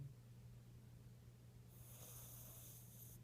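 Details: Pet asleep and dreaming, giving a soft, raspy snoring breath over a faint low room hum; ordinary sleep snoring.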